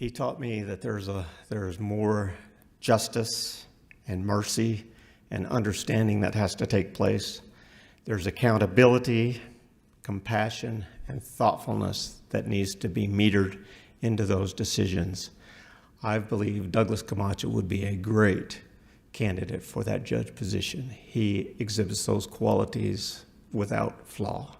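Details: Adult male speaker; Normal voice.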